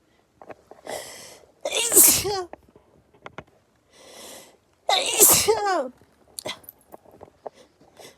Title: rapid perfume induced sneezing fit #sneeze